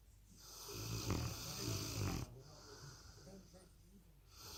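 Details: Presa Canario puppy asleep, snoring very loudly: loud, rough, low rattling snores during sleep over a steady noisy background.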